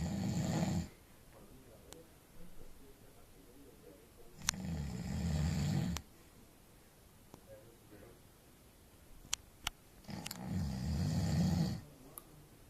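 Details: Loud, low, rattling snores on each in-breath, about every five to six seconds, with quiet pauses between; snoring.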